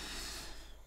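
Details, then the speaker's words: Sleeping pug: a brief, noisy snorting breath, a single ordinary snore. "Man hört ihn aber nur schnarchen. Man hört ihn definitiv schnarchen, ja."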